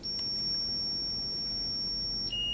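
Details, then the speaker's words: Zoll R-Series defibrillator charging to 75 joules in sync mode for synchronized cardioversion, on a simulator: steady high-pitched electronic tone shifting to a second ready tone. "and then I'll select my energy. Let's start with 75, and then we'll charge"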